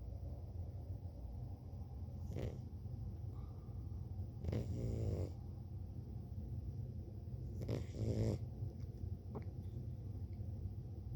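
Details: Sleeping cat snoring on a bed, captured quietly: two short, fluttering snoring breaths over a steady low rumble.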